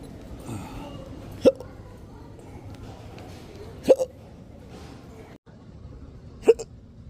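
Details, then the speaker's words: Three abrupt, sharp hiccups a few seconds apart over street and room noise, in an adult with long-standing intractable hiccups; persistent hiccups. "So, all the Uber drives, an Uber driver yesterday, I think, offered me water when I hiccuping his water. That was really nice. People think that offering water will help. I've never received it."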